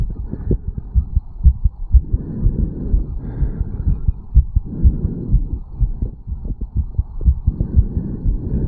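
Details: 34-year-old male after a quick morning jog, recorded at the mitral (bicuspid) valve area: rapid, forceful heartbeat at about 120 beats a minute; a normal fast heartbeat after exercise.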